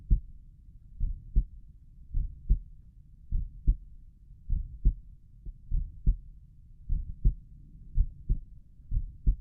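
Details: Heart sounds heard at Erb's point while the person lies down relaxing: steady paired lub-dub at about 52 beats per minute over low background rumble.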